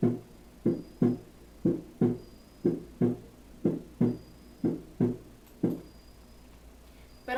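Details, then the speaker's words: Normal heart sounds heard on stethoscope auscultation in a Spanish teaching demonstration, in which valve closure produces the first and second sounds: a normal second heart sound (S2). "cada vez que una válvula se cierra hace este movimiento al realizar este movimiento es cuando se escucha el ruido 1 y el ruido 2"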